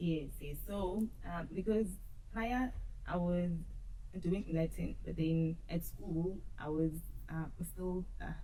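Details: Adult woman who stutters, audible in her speech, and who used to struggle a lot with stuttering; stuttering.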